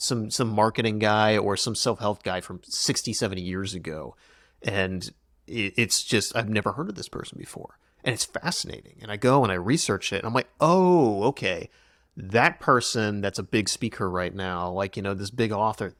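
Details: Adult man speaking; no speech disorder.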